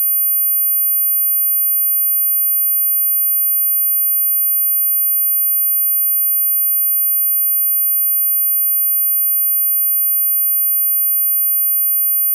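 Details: Simulated tinnitus: a steady, very high-pitched 13,500 Hz pure sine tone ringing unchanged throughout, made as a masking sound.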